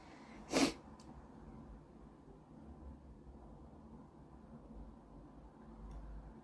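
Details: Single sharp, explosive sneeze triggered during a Covid-19 nasal swab test, then quiet room noise with faint background voices; sneeze.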